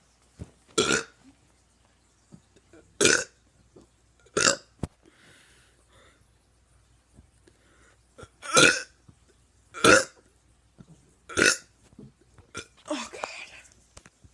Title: Teen doing burps